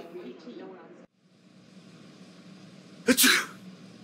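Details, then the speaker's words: Voiced, simulated sneeze in an animated educational cartoon about why we sneeze: a short indrawn build-up, then one loud explosive burst; a single sneeze. "sneezing is caused by your body when dust particles enter your nostrils your body tries to clear these particles by sneezing this is the first defense of your body to resist these germs"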